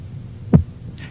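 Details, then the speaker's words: Single soft low thud over steady hum as the cuff deflates slowly: the first Korotkoff sound marking systolic pressure in this manual blood pressure measurement. "listen for the sound of the pulse to return be ready to note and remember the monometer reading when you hear the sound this is the systolic pressure"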